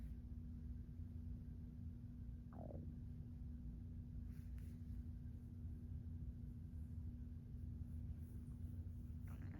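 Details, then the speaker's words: Noisy stomach gurgling: low rumbling with a brief falling gurgle, audible stomach and bowel sounds on a day the tummy has been noisy. "Can you hear it gurgling around?"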